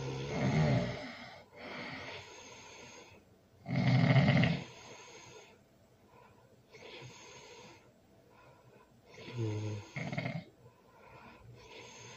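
Loud, rough snores, some with a snorting quality, at uneven intervals of roughly 17 a minute; snoring.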